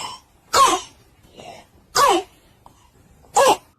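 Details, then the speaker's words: A child's cough that sounds like a dog's bark, in three harsh, hoarse bursts with quiet gaps between; during a COVID-19 upswing, a barking child cough warns of possible acute laryngitis (croup). "所以说当孩子咳嗽之后，这个咳嗽出现犬吠一样"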